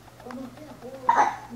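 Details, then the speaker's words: 6-week-old baby boy with hiccups, soon starting to cry: soft infant vocal sounds, then a single sharp, brief catch in the breath, a hiccup. "hi cups again not again what happened how come is a not the hiccups again"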